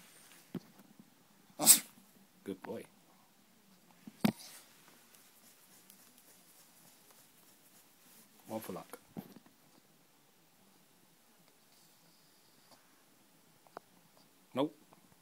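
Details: Several short, sharp sneezes from a dog performing a trick, sneezing on cue for a scratch, scattered through a quiet room with soft talk; sneezing.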